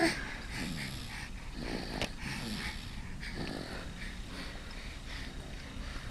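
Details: A girl who fell asleep while eating snores.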